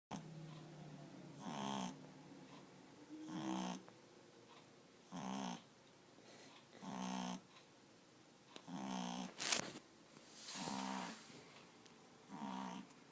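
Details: Loud, rattling snores at about 33 a minute, each a rough fluttering breath; loud snoring in a sleeping dog.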